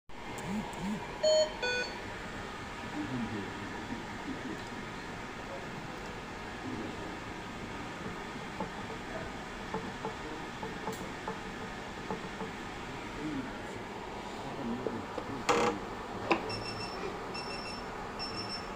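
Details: Hamilton C2 mechanical ventilator alarm check: electronic alarm tones sound briefly at the start and again near the end.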